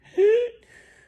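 A single harsh, high-pitched crowing sound on a breath in, an adult's imitation of croup stridor.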